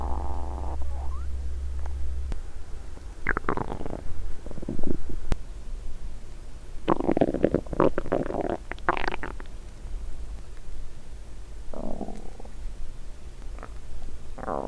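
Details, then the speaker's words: Woman the day after a 7-day fast, mic on her stomach early in an hour-long recording: intense low gurgling and squeaky rumbles in irregular bursts, normal hunger bowel sounds (borborygmi). "The sound of my intense hunger roared early on. Record for 1 hour. After this, an intense my hunger growls. I think this is probably the Guinness World Records hunger sound😂."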